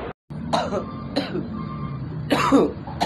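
An adult gives a run of short, harsh acted coughs over a steady low background hum.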